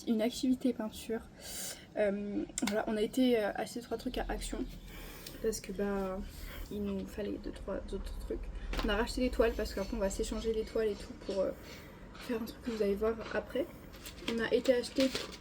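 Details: Young adult female speaker; normal speech.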